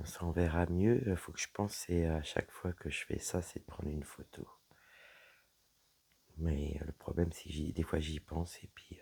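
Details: Dysphonia with a low-pitched, weak voice in a woman whose vocal cords were damaged by a serious health problem; her voice is deeper than before, is at times nearly lost, and she cannot speak loudly.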